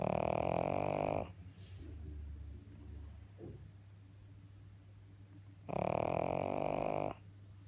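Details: Sleeping pug (female) snoring: two loud, buzzing snorts separated by several seconds of quieter breathing; snoring.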